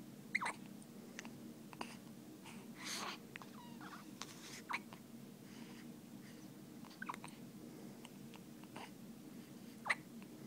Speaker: got the hiccups, buddy? You got the hiccups.